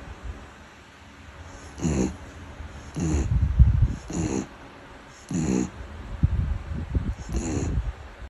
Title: Beagle dog snoring ビーグル犬のいびき(笑)#short